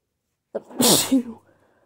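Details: Teasing-induced sneezes with buildups and attempted stifles: a short voiced buildup breaks into one sharp, explosive sneeze that trails off quickly.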